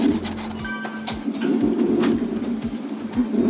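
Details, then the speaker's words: Fetal heart sounds on a Doppler monitor during an NST at 36 weeks of pregnancy, baby boy, mother reporting reduced fetal movement; fetal heart rate about 132–134 beats per minute. "이게 아기 소리예요?"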